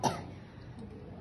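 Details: Acted demonstration of effective coughing technique: 21-year-old patient with a productive cough for 2 days, guided through deep breaths then a cough; a single short, fairly soft cough, then quiet room sound.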